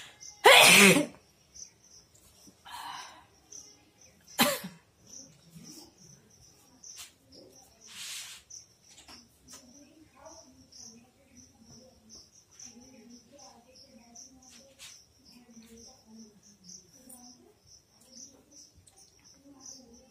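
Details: Two or three sharp sneezes and a nose blow, then quiet breathing and low murmuring over a steady background hiss; sneezing.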